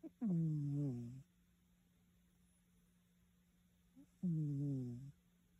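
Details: A sleeping black cat gives two voiced, falling, groaning snores about four seconds apart over a steady background hum; snoring.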